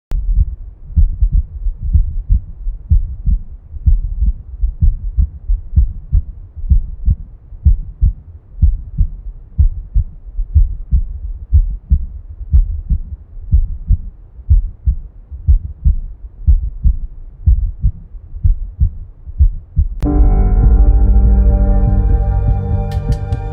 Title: Normal Heart Sound. #ytshorts